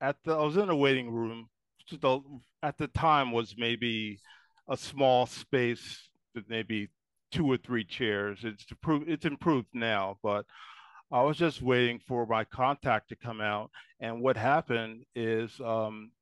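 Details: Man ten years after an ischemic stroke at age 44, with ongoing trouble enunciating words, who may stutter or need several attempts; mild post-stroke aphasia.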